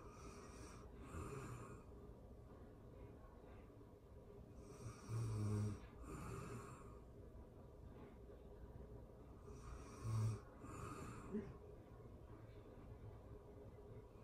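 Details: Real-time recording of a sleeping adult: soft, low, irregular snoring, about 13 breaths a minute, with steady background hum; snoring.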